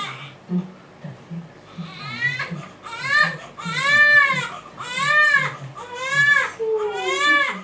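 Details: Fussy infant being patted and soothed to sleep: rhythmic rising-and-falling wails about one a second with soft patting in the background; ordinary fussy baby crying.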